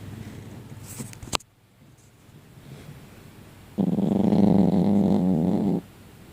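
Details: A single loud, rough, fluttering snore lasting about two seconds, after a quiet pause and a brief click; snoring.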